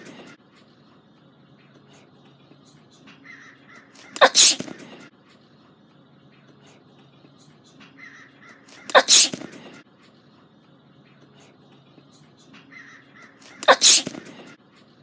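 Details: Three loud sneezes about five seconds apart, each preceded by a brief indrawn build-up: repeated sneezing.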